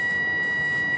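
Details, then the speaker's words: A hyfrocator electrosurgical wand vaporising a nevus on the lower leg of a 29-year-old woman, going around the border: a steady high-pitched electronic tone with faint hissing; patient awake and comfortable. "vaporising the tissue as I touch it. So I'm going to go around the border, first of all, to mark it out, and then vaporise the top of it."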